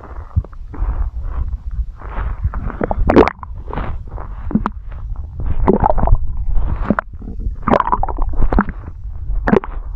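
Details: Stomach growling recorded for ASMR: continuous low gurgles, squelches and bubbling pops from the belly; ordinary borborygmi.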